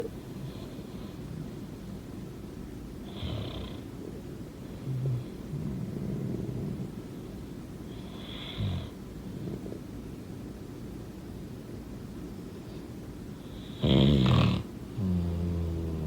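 Low, rough snoring rumble with breaths recurring roughly every five seconds, about 12 a minute.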